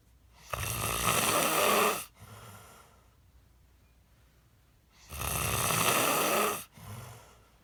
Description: So I decided to record my husband every time he is snoring and disturbing the peaceful atmosphere at night.